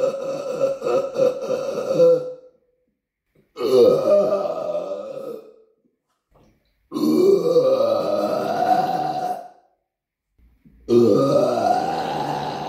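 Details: Four long, loud, low rumbling belches, each about two seconds, separated by pauses in a small apartment room; deliberate burping.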